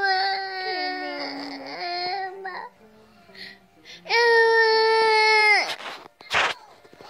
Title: Bebe llorando por ver bold eagle